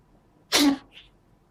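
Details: A cat that has been sneezing repeatedly: a single short, explosive sneeze followed by a faint soft exhale.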